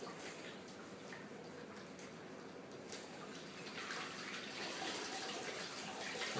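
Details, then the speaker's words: Soft bubbling and splashing as plaster of Paris bandage is fully immersed in clean, room-temperature water before applying a below-knee backslab. "Immerse the pop completely in the water."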